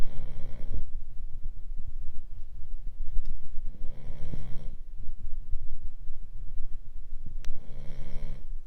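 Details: Boston terrier asleep: low, rumbling snores repeating about every three to four seconds over a steady background hum; snoring.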